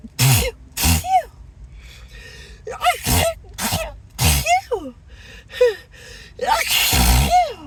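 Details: Acted, announced sneezing fit; the speaker apologises, feels dizzy and says the nose is tingling and buzzing, suspecting an allergy: a rapid run of about nine sneezes with gasping in-breaths between them, over soft background music.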